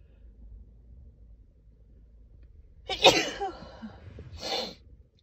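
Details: Female sneezing, mostly from dust allergy: in a quiet room, one forceful sneeze and a shorter second burst.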